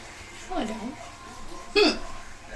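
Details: Two sudden sharp voiced gulps about a second apart over room noise: a girl's recurring hiccups.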